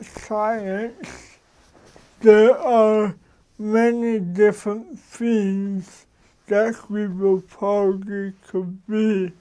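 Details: Adult man who has lived with cerebral palsy for 53 years; real, unacted speech showing dysarthria due to cerebral palsy.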